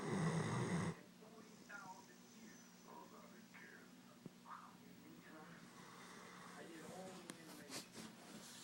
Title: Snoring dog